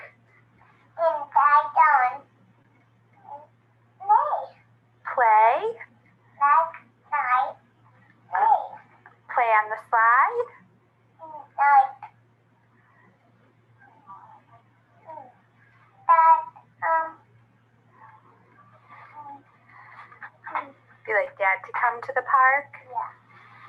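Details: Three-year-old boy with dyspraxia who cannot pronounce 'p', struggling with words like 'park' and 'bubble' while an adult prompts; childhood apraxia of speech.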